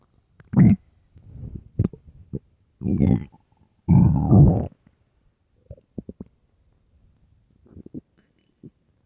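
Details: Loud, low gurgling growls in a few bursts from an empty, hungry stomach; stomach growling (borborygmi).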